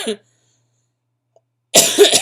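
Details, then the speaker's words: Adult with chronic illnesses and acute bronchitis with asthma complications, on prednisone steroids, exhausted and in pain, coughing: cough of acute bronchitis. "As you can probably tell, because my eyes are like barely open, you can hear my voice, you can hear my coughs"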